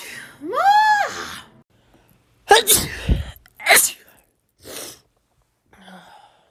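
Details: Compilation of rapid sneezes: a rising voiced gasp, then several sharp, explosive sneezes in quick succession; a rapid run of ordinary sneezes.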